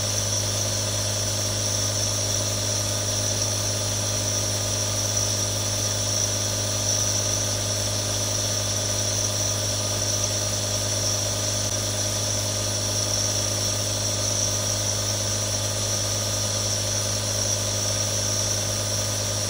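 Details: Real recording of three different nebulizers for relaxation ASMR: a steady mechanical hum with continuous hiss and buzz, unchanging throughout, a nebulizer running.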